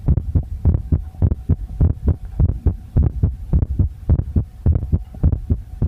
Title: visible heartbeat (sorry for bad sound 🙃)